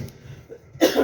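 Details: A single abrupt adult cough interrupting a stretch of conversation in Spanish, cut off at the end of the clip.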